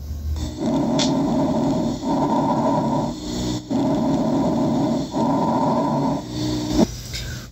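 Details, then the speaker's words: Simulated lung sounds from an auscultation practice app: loud, harsh, hollow breath sounds with distinct inspiratory and expiratory phases and a brief pause between them, bronchial breath sounds. "ahora vamos a ir a la auscultación de los pulmones por ejemplo una respiración testicular una resolución del murmullo vehicular normal como es que se escucha [Música] a una respiración bronquial"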